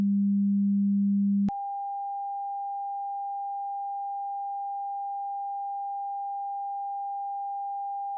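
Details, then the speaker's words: Simulated tinnitus example: a steady low hum switches to a continuous high-pitched pure tone, illustrating ringing-type tinnitus. "tenus is often described as ringing in the ears but it can also sound like buzzing humming grinding hissing whistling or even music here are some examples"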